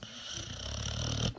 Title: The sound of a snoring dog, just like in the cartoons